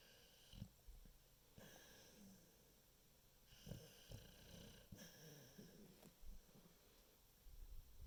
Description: She's a dog. Sleeps and snores like an old man